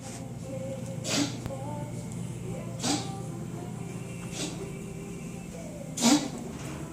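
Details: Four short, harsh cough bursts about every second and a half from a pet, Anvil, over a steady low hum; coughing fit.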